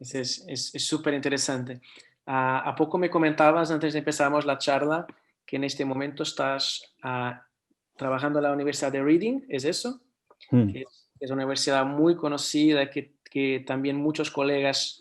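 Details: Adult man; host speech.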